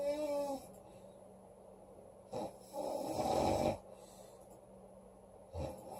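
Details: A loud, rough, fluttering snore on one breath in from a sleeping girl, with a few shorter snorts and low room hum between them: loud snoring.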